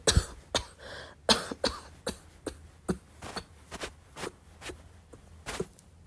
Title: still sick and coughing a lot 2